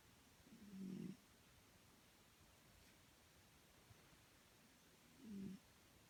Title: Snoring with photos